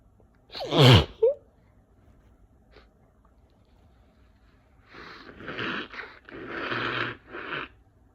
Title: messy cold sneezes